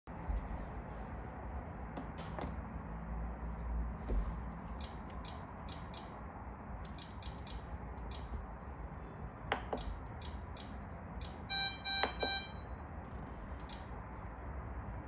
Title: DEMO mode for PROMISE patient monitor (PRO-M12D)